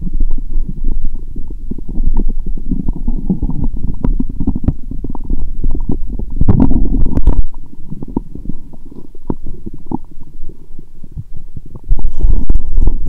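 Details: Bowel sounds through a stethoscope on the belly while lying down, after several lactic-acid probiotic drinks: busy, continuous gurgling and bubbling rumbles of active borborygmi.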